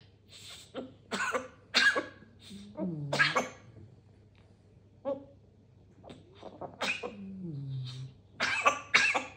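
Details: An African grey parrot imitates a human cough with several short, harsh bursts mixed with vocal sounds.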